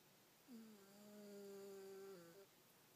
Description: My snarky cat got caught snoring her head off.